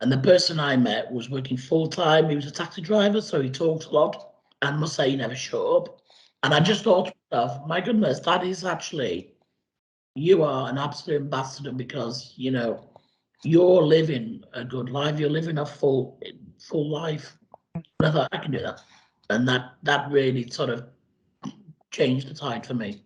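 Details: Adult man after total laryngectomy speaking with a voice prosthesis, which was last changed about 10 days ago; tracheoesophageal speech.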